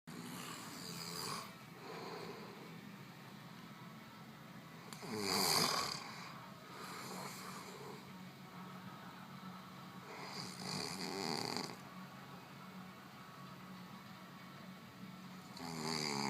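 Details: Slow, rattling snores during sleep, about 11 breaths a minute, each a rough fluttering noise on the breath; ordinary snoring.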